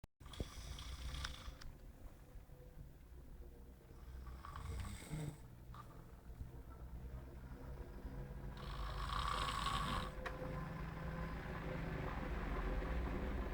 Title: Snoring master